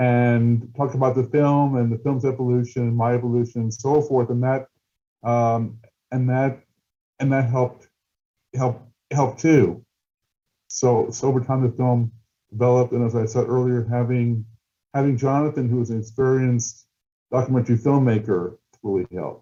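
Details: Stuttering in an adult male documentary filmmaker who stutters, with word and phrase repetitions.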